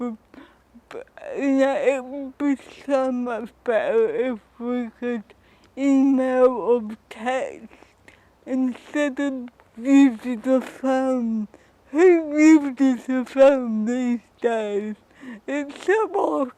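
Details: Adult woman with cerebral palsy and dysarthria who reports that her speech is often not understood.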